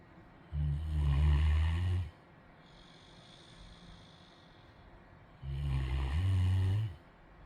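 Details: Snoring during sleep: two deep, low, rumbling snores, each about one and a half seconds long, with quiet breathing between them.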